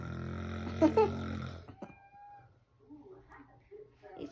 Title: How can I stop snoring?? #couples #funny #snoring